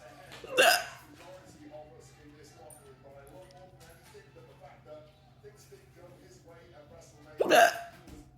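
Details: Two abrupt, loud gulping hiccups about seven seconds apart, with soft music in the background.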